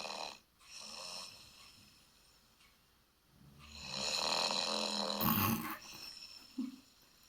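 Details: Young, slim woman's night-time snoring from a dictaphone recording played back: rough, noisy sleep breathing with a rattling inhaled snore, with hiss and room noise.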